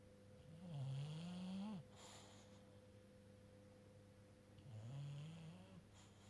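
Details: Almost 2-year-old bulldog sleeping, giving two low, rattling snores with quiet breathing between them, in a quiet room with a faint steady hum.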